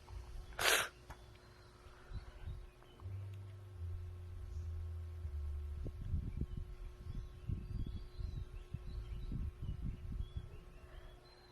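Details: One sharp, explosive sneeze near the start from a woman in a hotel, followed by low rumbling room noise; single sneeze.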